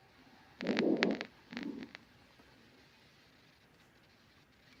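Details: Normal vesicular breath sounds.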